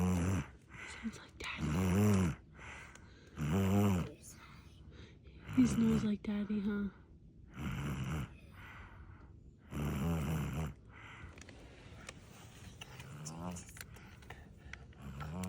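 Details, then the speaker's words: A sleeping infant boy snoring: rhythmic low rattling snores about every two seconds, alternating with quieter breaths. "He's sleeping and snoring. Okay."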